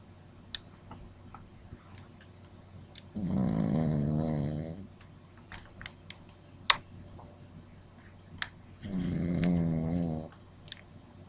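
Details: Sleeping shih tzu puppy, possibly dreaming, snoring: two rattling, buzzing snores about six seconds apart with small clicks and rustles between.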